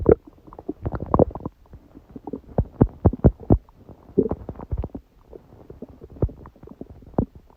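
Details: Stomach growling recorded at 1:30 a.m. after eating too much udon at 19:30, the first gluten in a while; repeated gurgling pops and low rumbles from the belly in a quiet room, ordinary bowel sounds of digestion.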